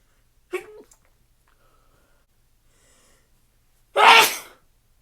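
A short catching inhale, a pause, then one loud explosive sneeze.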